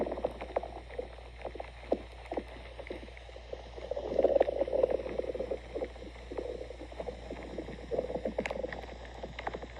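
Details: Irregular gurgles, clicks and drawn-out rumbling squeaks from a stomach over a low steady hum: ordinary stomach growling, bowel sounds (borborygmi).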